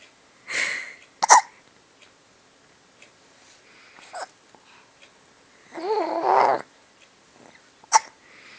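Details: Several brief, abrupt, sharp sounds separated by quiet pauses, recorded on an Android phone; hiccups.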